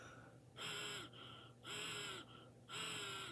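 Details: Classroom bedside spirometry demo: three loud, airy exhalations about one a second through a mouthpiece into a Halo spirometer switched on to capture exhaled volume, with whooshing device sound, for minute ventilation and tidal volume.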